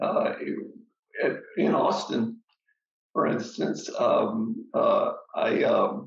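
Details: Adult man with aphasia after an ischemic stroke; the stroke was treated with TPA, which then caused a hemorrhagic stroke; he struggles to get through a sentence; aphasia.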